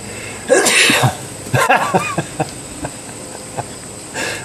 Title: Squirrel Scared By Sneeze